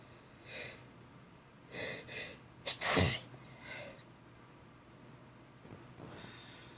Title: Sneezing on the bed after waking up